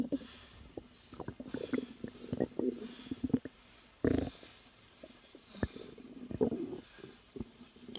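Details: Woman about 3 months pregnant, relaxing, with irregular gurgling, bubbling and clicking abdominal sounds: active bowel sounds, ordinary stomach growling; she reports discomfort but not pain.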